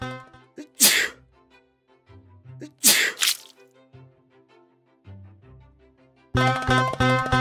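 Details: Two or three acted sneezes, sharp noisy bursts, set against music that swells at the end; sneeze.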